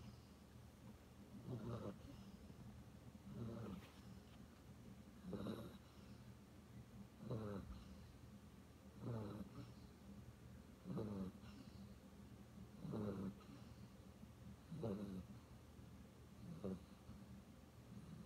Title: Sleeping, Dreaming, Snoring